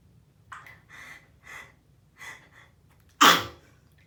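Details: Sneezing at bath time: several quick catching in-breaths build up, then one loud explosive sneeze.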